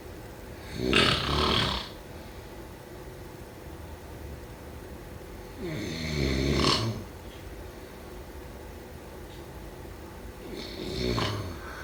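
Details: Three loud, rough snores about every five seconds, with quiet breathing between them, over steady room noise, during sleep: snoring.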